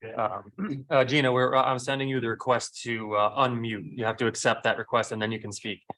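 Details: Adult male speaker; no voice disorder.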